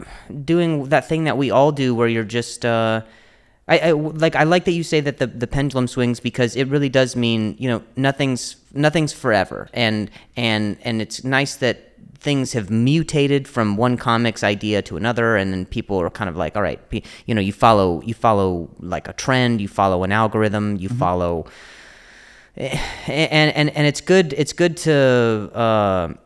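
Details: Stuttering in an adult male comedian who is known for his stutter, speaking as a podcast host.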